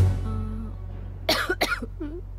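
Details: Two sharp acted coughs from an adult in a cough-syrup advertisement follow a short musical phrase, then a brief voiced sound.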